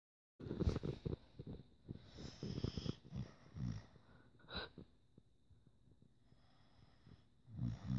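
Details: Staffy dog in a deep sleep snoring: irregular, fluttering snores and snorts from the nose and throat, with quiet gaps between breaths.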